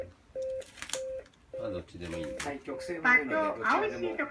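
Repeated short steady electronic tones, then a recorded voice prompt begins; alert tones from an automated external defibrillator trainer.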